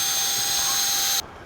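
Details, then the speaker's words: Surgical power drill boring a bone tunnel, directed slightly anterior to avoid the ACL tunnel, in knee posterolateral corner reconstruction: continuous high-pitched whine, ending abruptly. "so i direct this slightly anterior so that i'm not going to interfere with my acl tunnel"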